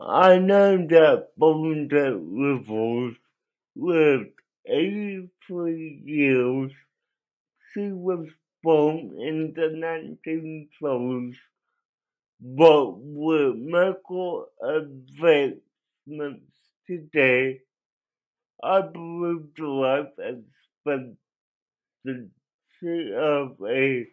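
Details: Adult male with cerebral palsy that affected his voice; he cannot walk and has muscle spasms; dysarthria (cerebral palsy).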